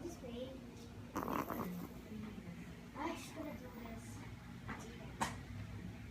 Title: Yorkie Snoring